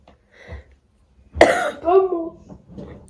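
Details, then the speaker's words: Adult with lost voice from talking, coughing repeatedly and bought cough syrup: a single sharp dry cough bursts out, followed by a brief voiced tail and quiet breathy sounds in a small room. "à force de parler moi j'ai plus de voix j'arrête pas de tousser ça me saoule"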